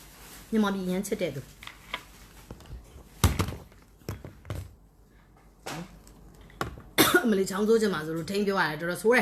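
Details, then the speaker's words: Several short, sharp bursts of a suppressed cough and throat clearing from an adult woman who is talking in a small room; she says she is holding back a cough while speaking. "အမယ်လေးချောင်းဆိုးချင်မှာစိုးလို့ထိန်းပြောရတယ်တော်တော်ဆိုးတယ်ဟေ့"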